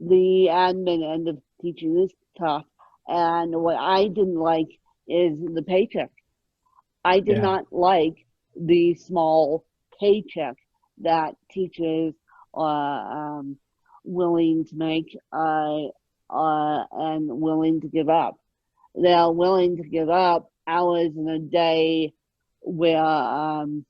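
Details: Adult woman born with moderate ataxic cerebral palsy, which she places mid-spectrum, needing 24-hour care; ataxic dysarthria.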